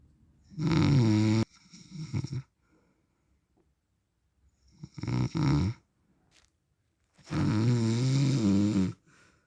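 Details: Heavy snoring from a sleeping man, described as husband and also as dad, recorded for 10 minutes: loud, rough snores on inhalation with quiet pauses, about three per ten seconds, in a quiet room.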